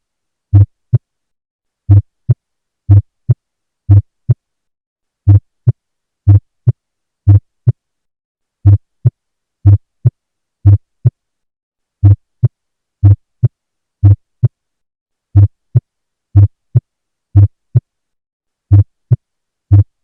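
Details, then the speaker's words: Stethoscope auscultation of regular, low heartbeats at about 54 beats per minute, with a split first heart sound. "This kind of sound is produced when there is Splitting of First Heart Sound"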